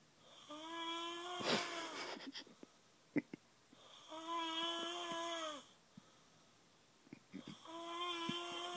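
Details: Heavy snoring, long whistling, buzzy snores with each breath, about 17 per minute, with quiet pauses between.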